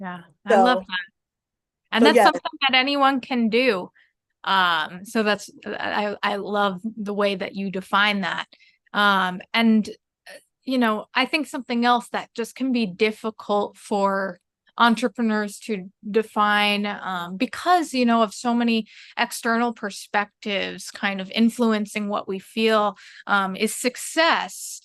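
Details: Adult woman speaking; typical speech.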